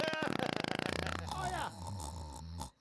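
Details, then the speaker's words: Snoring of a sleeping adult: rapid fluttering rattle settling into a low, rough rumble. "This is what happens when I'm sleeping. All right, I'm laying there watching TV, and that's what I hear. A little snoring."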